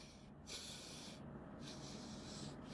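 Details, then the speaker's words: Patient with lifelong reduced smell and a nose that is usually blocked, often the left nostril, seen for TMJ and nasal congestion: two forceful nasal breaths with an airy hiss, on instruction, after chiropractic adjustment; reports breathing freely now. "এবার আপনি breathe in করুন, breathe out করুন,"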